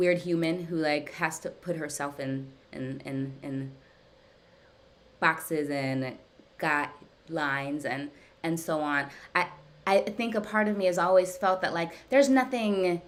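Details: Adult woman who stutters, speaking during a live therapy session with her speech therapist, whose therapy she says has gradually helped her speech over time; stuttering.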